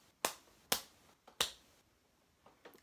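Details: Person with Tourette syndrome demonstrating motor tics: three sharp, forceful hand claps in quick succession, then softer taps; a clapping motor tic.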